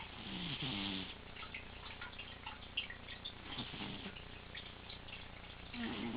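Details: Sleeping cat lying in his usual snoring position, checked by a vet with no breathing problems found: soft, rasping, rhythmic breathing noise with faint room noise; snoring.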